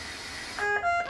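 Faint machine hum, then a run of steady electronic alarm tones at shifting pitches: a BiPAP ventilator disconnect alarm.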